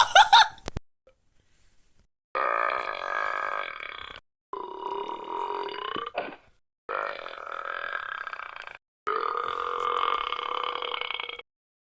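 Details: Cartoon sound-effect burps: a series of four long, drawn-out burps.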